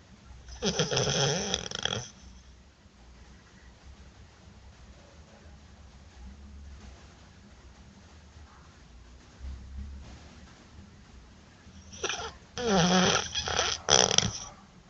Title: Roncando